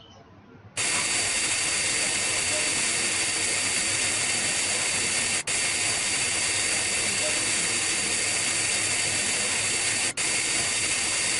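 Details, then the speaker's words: High-speed dental handpiece with tilted fissure bur, steady high-pitched whine with two brief dropouts, cutting under the cusps to make buccal and lingual walls converge about five degrees occlusally for retention in a Class I amalgam cavity, lower first molar. "they should be converged occlusal II about five degrees this is done by tilting the fissure bur and cutting under the cusps"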